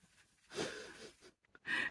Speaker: Can you hear the dog snoring? If you hear any going, it's the dog.